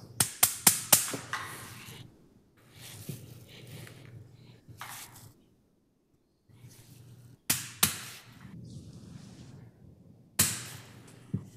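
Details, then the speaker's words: Posterolateral sacroiliac joint fusion with bone-graft-filled implant, driven via a hammering cap: sharp metallic mallet taps in quick bursts over room noise. "again there is only one where this would go and you have this hammering cap which you can actually sht on this"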